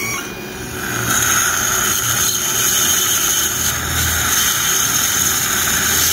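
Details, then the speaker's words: Live surgery placing a pterygoid basal implant in the maxillary arch: a steady high-pitched whine with a squeal as a surgical drill on a long handpiece prepares thin cortical bone palatal to the sinus. "So this is the advantage of the longer handpiece. My entire handpiece is outside the mouth. So you are seeing only the drill."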